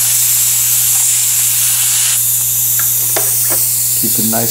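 Steady loud hiss of a dental air syringe drying the tooth after acid etch, with faint clatter and a low hum behind it.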